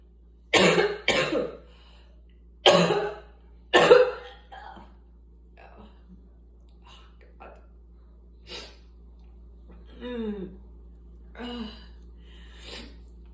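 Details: Adult giving four harsh, loud coughs, then quieter throat clearing and breathy vocal sounds; asthmatic cough.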